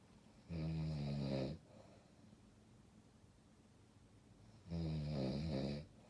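Two deep, rumbling snores about four seconds apart over a steady background hiss; snoring during sleep.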